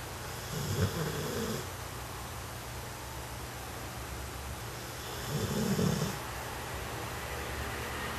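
Two soft rattling snores about five seconds apart from a sleeping puppy, over steady background noise.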